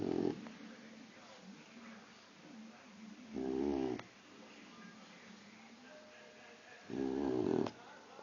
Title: Puppy boxer Khan snoring